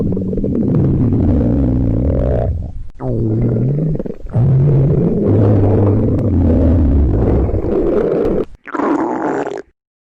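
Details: Hunger stomach growling (borborygmi) from girls reading in a library on an empty stomach, microphone near the abdomen: long, loud, deep gurgling rumbles with shifting pitch.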